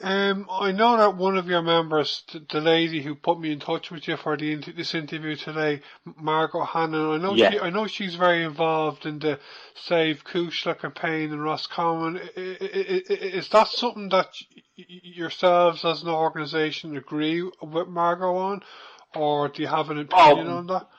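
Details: Adult male interviewer; Normal speech.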